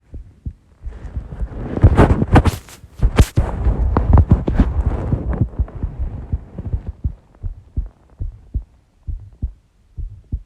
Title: Shortish heartbeat recording